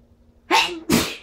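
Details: Two strong sneezes in quick succession with build-ups, each a sharp explosive burst of air; ordinary sneezing.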